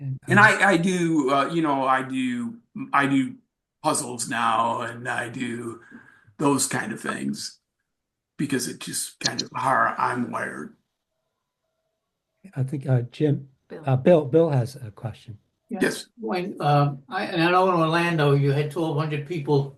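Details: Aphasia in an adult male, acquired after a traumatic brain injury from a bike accident without a helmet and a month-long coma, about four and a half years post injury; ongoing aphasia.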